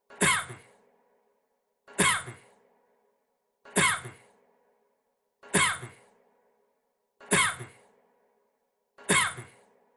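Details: Six identical short coughs at even intervals, about 34 a minute, over silence, the same cough repeated; a cough loop titled as a man coughing for 30 minutes.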